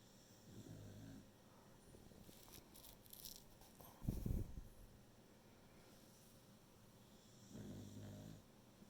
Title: Beagle Snores while working from home